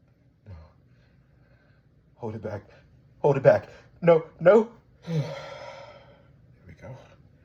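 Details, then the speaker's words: Person sneezing repeatedly: several short, sharp voiced bursts ending in a drawn-out sneeze, then quiet. Says "I have to sneeze again", then "excuse me", while trying to hold the sneezes back. Sneeze. "I have to sneeze again. I have to sneeze. Achoo! Achoo! Excuse me."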